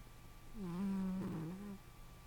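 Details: One soft, drawn-out, slightly nasal snore from a female cat asleep on a couch, over quiet room noise; snoring.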